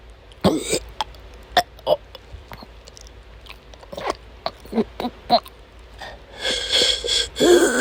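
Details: Woman having an asthma attack during a chronic migraine episode: repeated short, harsh cough bursts and throat noises, then prolonged retching; she couldn't stop coughing and vomited many times that day.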